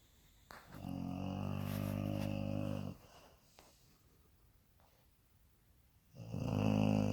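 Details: Dog named Sophie asleep, snoring: loud, buzzing snore on each breath in, followed by a pause, then another snore.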